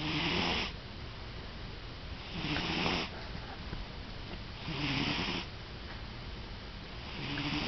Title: Our cat Ruby snoring